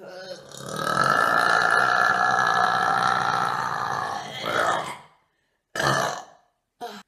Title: burping